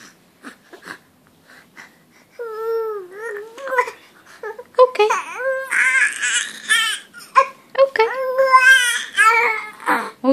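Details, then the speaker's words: A baby cries loudly in rhythmic, high-pitched wails with brief breaths between, at bedtime; the parent says the baby is really hungry (hunger cry). "dear baby's really hungry why are you screaming then hey stop screaming it's bedtime"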